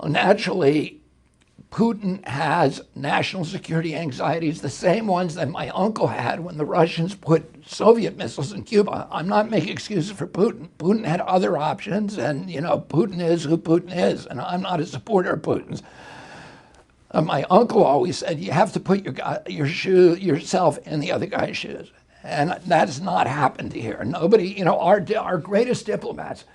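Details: Adult male with spasmodic dysphonia; he reports a very strong voice until age 42, then onset in 1996 after a neurological injury, which he attributes to his brain sending wrong signals to his vocal cords.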